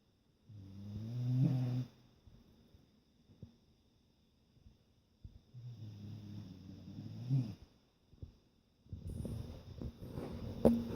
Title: Basset Hound snoring